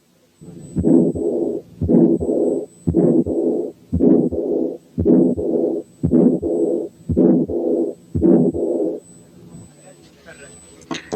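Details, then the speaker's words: Murmur from a calcified aortic valve: weak second heart sound, with the murmurs heard almost without heart sounds. "لما يحصل كالسيفيكيشن في الايورتيك فالف السكند ساوند بيبقى ضعيف والمامز بتتسمع من غير تقريبا ساوندز زي الحالة اللي"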